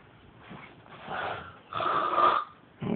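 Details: Sleeping man snoring loudly enough to keep others awake: noisy breathing rising and falling with a louder rattling, tonal inward snore, while someone tries to wake him; snoring.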